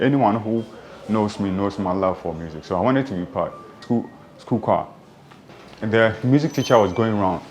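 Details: Adult who has stammered since childhood, speaking; stuttering.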